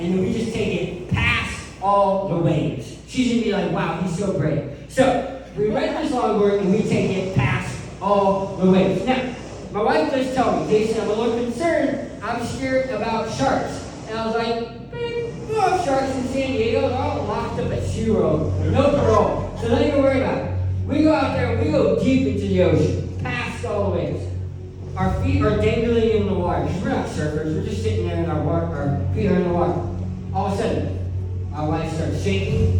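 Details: Adult male who lost 80% of his tongue to cancer, now with a permanent speech impediment; articulation impairment after partial glossectomy.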